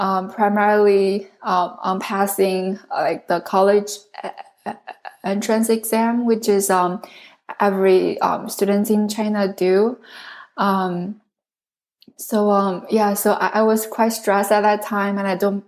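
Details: Adult woman who stutters, a native Chinese speaker speaking English as a second language; stuttering.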